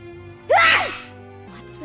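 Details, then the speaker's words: Female streamer's loud sneeze while gaming: one voiced, almost shouted burst ending in a breathy rush over faint background hum; she notes the sneeze didn't come out and became just a yell. "Kok kayak begitu bersinnya? Kok bersinnya kayak teriak sih barusan? Serius yang tadi bersinnya nggak keluar malah jadi teriak doang."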